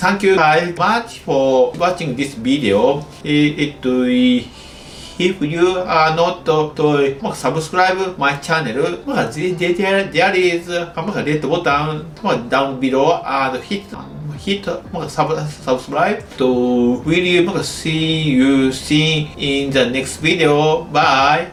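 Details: Adult male medical doctor in Japan with developmental stuttering (childhood-onset fluency disorder), speaking English.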